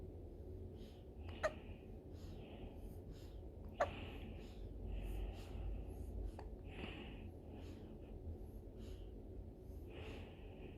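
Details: A 9-day-old newborn has hiccups: soft, brief catches of breath recurring irregularly over a steady low room hum.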